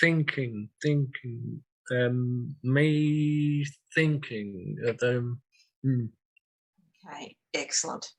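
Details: 67-year-old man with aphasia after two large strokes, 18.5 and 6 years earlier, needing time to get words out and using a communication board; aphasia.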